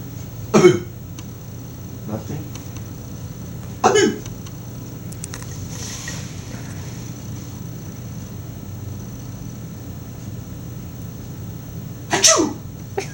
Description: Trying to get rid of the hiccups by scaring them away... Unfortunately it doesn't work but the attempt is hilarious.